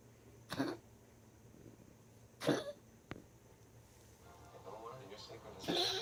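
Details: Dog after tracheal ring surgery, coughing constantly while exhaling: several short harsh coughs and a throat-clearing sound, with rough breathing between.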